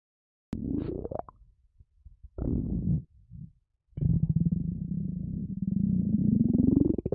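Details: Empty stomach rumbling: gurgling, growling rumbles with pitch glides and a long buzzing drone; normal borborygmi.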